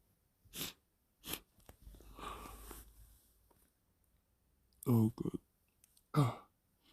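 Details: Wet, somewhat forceful run of sharp, explosive sneezes with spraying noise between, induced by sniffing chhinkni; sneezing fit.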